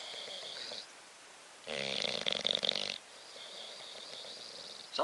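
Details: Bulldog asleep, snoring: noisy hissing breaths with one loud, rattling, fluttering snore in the middle.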